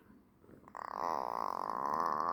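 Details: Sleeping baby snoring, which the parent suspects signals wanting milk or being cold, with no snoring in daytime naps: a short, rising, fluttering buzz with each breath; soft infant snoring.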